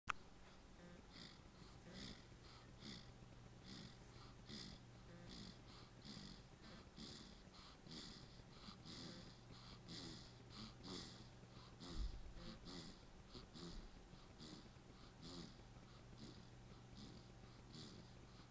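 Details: Infant snoring as a baby boy sleeps in his father's lap after a tiring day: loud, quick, regular hissing bursts with each breath over a steady low hum.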